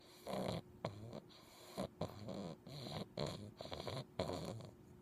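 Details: Sleeping English Bulldog puppy snoring: short, snorty, rattling snores in an uneven rhythm while he wiggles his toes.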